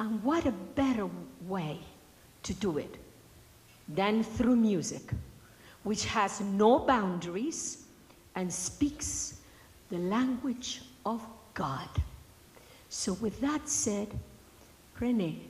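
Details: Adult woman speaking; normal speech.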